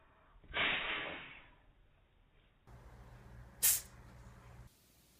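A short hissing burst followed by a sharp, high explosive puff, a small cat's sneeze.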